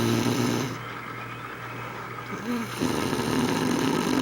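Loud, rough, rumbling breathing noise with a steady low buzz, fading briefly then returning; snoring.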